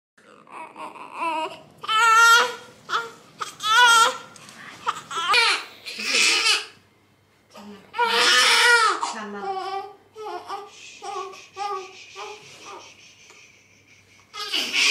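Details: Strong, repeated wailing cries with gasping pauses from a newborn baby girl just after birth, with faint room sounds; a vigorous, normal newborn cry.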